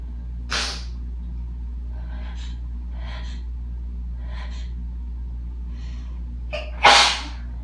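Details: Two forceful, explosive dust-triggered sneezes after cleaning house, with breathy inhalations between them over a steady low hum.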